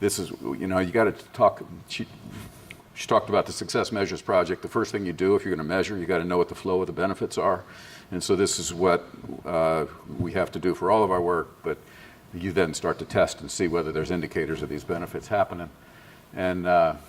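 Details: Adult male speaker; normal voice.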